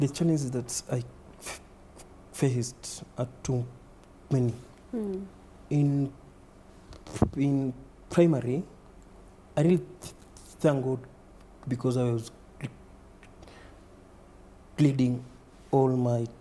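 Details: Stuttering (stammering) in a man under 30 who reports repetitions, blocks and prolongations, and adding syllables to words.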